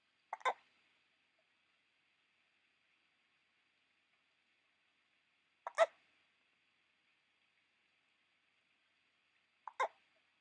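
Three short, sharp catching sounds a few seconds apart, each a quick double click of the throat, typical hiccups.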